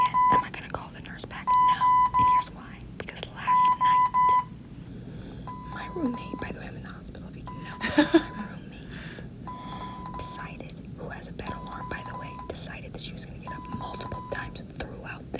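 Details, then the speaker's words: Infusion pump alarm in a hospital room, starting again after a nurse had already silenced it. Repeated groups of electronic beeps over quiet room noise and whispering. "I already called the nurse in here okay they already silenced the alarm the alarm starts going off again"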